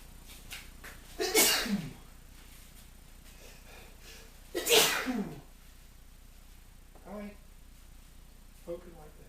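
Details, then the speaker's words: Two loud explosive sneezes with sharp in-breaths, then softer sniffs and breaths, from a man with hay fever after being outside in pollen, repeated sneezing as when he first wakes up. "So I've just been outside and my hay fever is, sorry, I can't speak. This is what it's like. This is what it's like when I first wake up in the morning and the pollen gets me."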